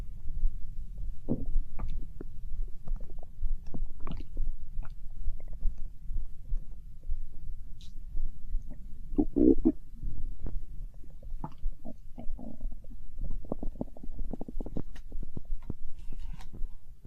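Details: Hunger-related stomach growling (borborygmi): low rumbling and gurgling with scattered bubbly pops.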